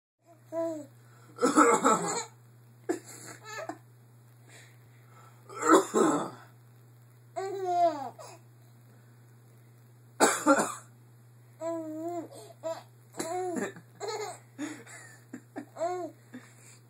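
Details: Adult father gives several forceful cough bursts, each followed by a baby's bright giggling laughter at the cough; cough.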